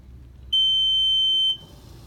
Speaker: that is the alarm that sounds if you lose power to the machine so if I unplug it while the machine is still on you'll hear a slow intermittent beep sounds kind of like a smoke detector